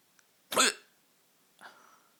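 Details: Nighttime hiccups: one loud, abrupt hiccup with a sharp catch in the voice, then a softer follow-up sound in a quiet room.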